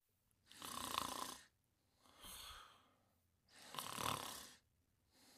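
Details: Simulated cartoon snoring of a sleeping character: loud, rough noisy sounds alternating with softer breaths, a few seconds per breath cycle, in a quiet room.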